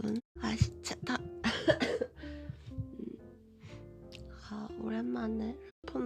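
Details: Young woman with a lingering throat cold who coughs with nearly every word, somewhat better since Friday: several short, harsh coughs over steady background music.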